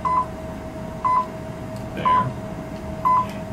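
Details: Class IV therapy laser kept in skin contact over the elbow, treating lateral epicondylitis: steady high beeps about once a second over a faint hum, the audible signal of the laser emitting.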